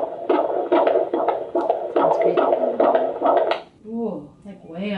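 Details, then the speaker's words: Rapid whooshing pulses at about 140 beats per minute on a fetal Doppler, then brief voices, from a pregnant woman; the fetal heart rate is normal. "So our heartbeat's about 140 beats per"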